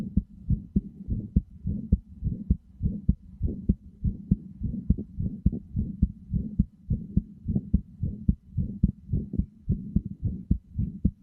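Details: Steady, regular low lub-dub heart thumps over a soft continuous hum; heartbeat sounds played as a sleep aid, with headphones recommended.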